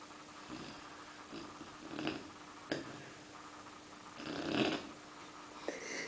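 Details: Four-month-old Bernese Mountain Dog puppy snoring at night: soft, snuffly snoring breaths while asleep, with a faint steady hum in the room.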